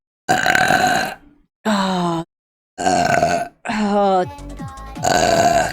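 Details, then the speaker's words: Vtuber streamer's four loud, long voiced belches with a rough, croaking tone and brief pauses, one with a falling pitch, from a live-stream burp compilation; burping. "Oh my god. Rate that burp out of 10."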